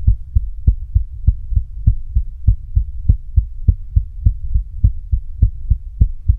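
Strong, regular low thumping heartbeat at about 100 beats a minute, with a steady hum underneath.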